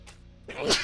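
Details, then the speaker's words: Adult streamer sneezes once, a sudden hissing burst of air in a quiet room, attributing it to seasonal allergies during warm weather with a scratchy throat; sneeze. "Excuse me, sorry. I think it's allergies coming around because it's been warm like the last couple of days, and my throat's getting a little scratchy. You can probably hear it sneezing a little bit."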